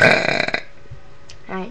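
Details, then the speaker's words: A person deliberately burping lets out one loud, low, rumbling belch lasting about half a second, followed by quiet room noise and a brief voice sound; a burp. "Plus, I have another burp coming probably. Feel it."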